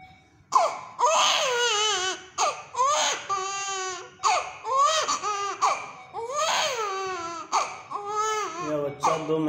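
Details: Young infant with high-grade fever cries loudly in repeated, high-pitched, wavering bursts: febrile infant cry.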